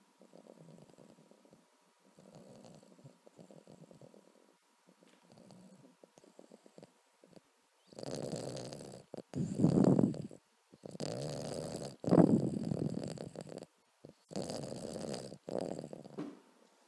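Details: Boston terrier snoring during sleep: fluttering, rattling snores that grow louder and rougher, with short quiet gaps between breaths.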